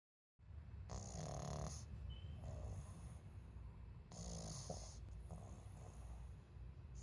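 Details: Sleeping pug snoring: rattling, snorting snores on each breath, roughly 20 breaths a minute, with quieter wheezy exhales between.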